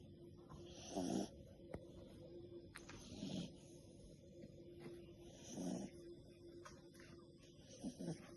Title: Mini dachshund puppy snores